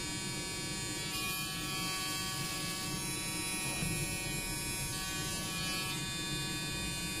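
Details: Handheld electric dental calculus remover (high-frequency vibration tartar scraper) operating: steady high-pitched electric buzzing in a small room.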